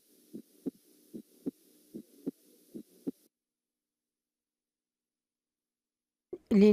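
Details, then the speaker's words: Teaching recording from a nursing heart-sounds lecture: regular heart sounds near 75 a minute with a wide split second heart sound (wide split S2). "معا الى الدكس سبليت اوف اس 2"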